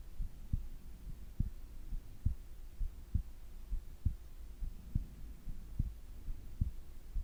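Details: Steady low thumping heartbeat at about 67 beats a minute, recorded during sleep along with breathing sounds under a faint hum; normal heart sounds at rest.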